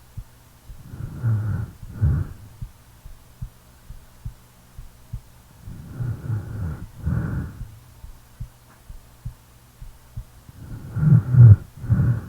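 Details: Sleeping person snoring, real recording: rough, rattling snores about every five seconds with a faint steady heartbeat tapping underneath.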